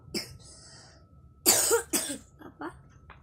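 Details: Five-year-old child with a cough and cold (runny nose) while playing with wooden blocks: a few loose, wet-sounding coughs, two strong bursts among smaller ones.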